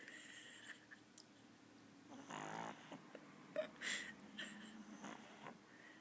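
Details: A sleeping pug snoring: snorting, rattling breaths with some whistling, irregular in timing.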